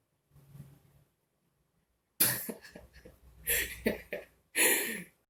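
A soft breath, then a run of several harsh coughs at uneven spacing.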